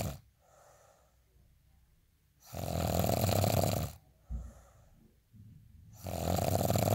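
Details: Person asleep: loud, harsh snores on each breath in, alternating with softer breaths out, two full cycles in about seven seconds; snoring.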